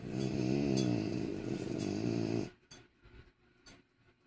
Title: Oh boy! Dewey snores loud! #frenchbulldog #frenchie #dewey